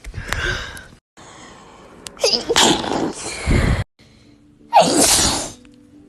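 Two sharp sneezes, each with a quick indrawn breath before it, over faint background music.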